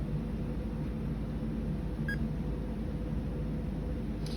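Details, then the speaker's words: CADD Solis VIP home infusion pump, nurse demonstration: power button on the side pressed after closing the battery compartment; single short high beep over low room rumble as the pump turns on; infusion pump power-on beep. "Then you'll see the power button is here on the side. You're going to push that, and you'll hear the pump turning on."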